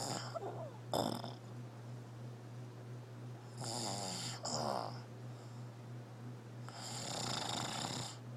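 Rattling, raspy snores recurring about every few seconds over a constant electrical hum.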